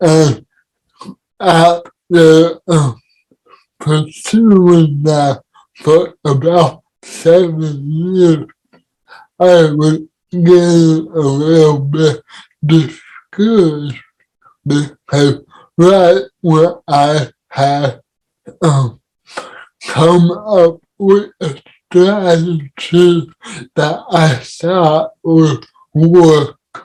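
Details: Adult man with cerebral palsy; dysarthria (cerebral palsy).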